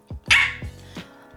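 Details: 27-year-old woman diagnosed with Tourette syndrome at age 12; a short bark-like sound interrupts her speech; finding: vocal tic (Tourette syndrome).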